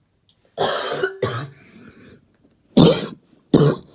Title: Barking cough 2